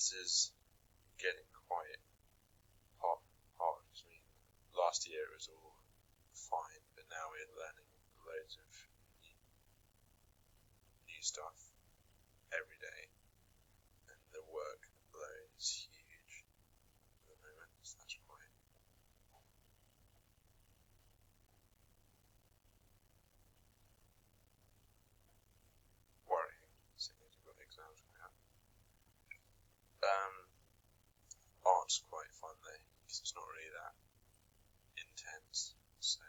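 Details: Young man with a developmental stammer, a real stammered speech sample from a university research repository; stuttering (developmental stammer).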